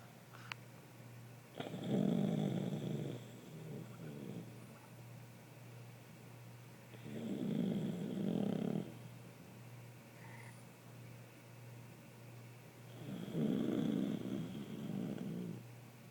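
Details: Two sleeping people snoring: three rasping snores about every five to six seconds, roughly eleven a minute, with quiet breathing between them; snoring.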